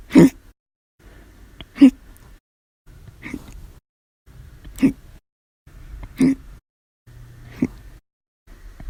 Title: 7/26/19 to 7/31/19, Violent, Loud, Silent, Minute Hiccups Audio Only (READ DESCRIPTION)